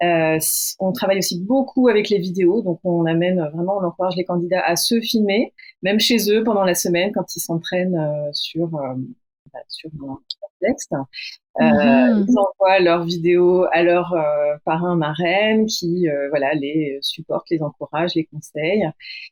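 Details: Adult woman speaking French; typical speech.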